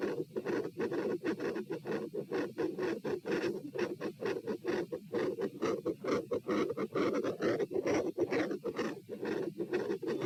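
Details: Stethoscope heart auscultation at position P during a stress test (standing, knee bends, deep breaths, sitting, lying; rates 126-138 then 96 bpm); rapid, regular, loud scratchy beats near 130/min, deep breaths not slowing rate; exercise tachycardia.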